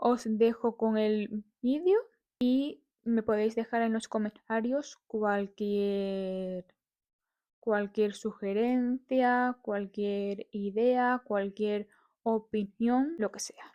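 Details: Adult woman who describes herself as a person who stutters; stuttering.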